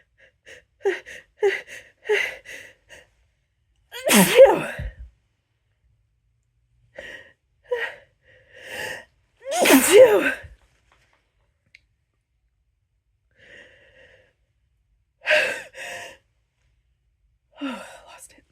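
Several loud, forceful sneezes, each preceded by short catching in-breaths building up to the burst.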